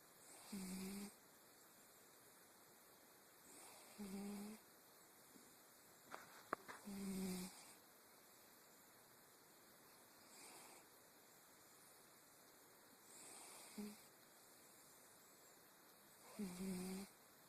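Soft, short snores every three seconds or so, about 20 a minute, over a steady background hiss.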